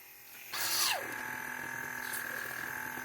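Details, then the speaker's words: Electric nasal aspirator held to the side of an adult's nostril during a runny nose, described as not painful: a small motor whirs up, then holds a steady hum while suctioning mucus. "so you just you just stick it to the side of your nostril you hear all that stuffing it's really gross not painful at all"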